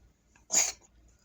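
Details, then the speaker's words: Rescued tortoiseshell cat giving a single short, harsh, hissing cough; owner thinks it probably has not caught a cold. "大丈夫？咳してるよ。大丈夫？大丈夫？大丈夫か？"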